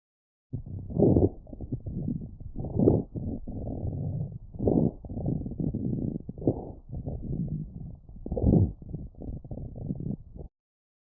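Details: Lungs recorded with a StethoMe electronic stethoscope, sounds classified by AI: low, bubbling, gurgling crackles through repeated breaths, typical of bronchitis or pneumonia; coarse crackles.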